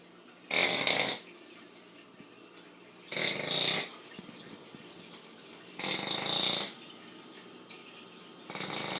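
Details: Female bully-breed dog snoring like a pig: loud, hissing, rattly snores about every two and a half seconds, roughly 22 a minute, with quiet gaps between.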